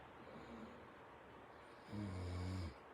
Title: The Sleepy Snoring Dog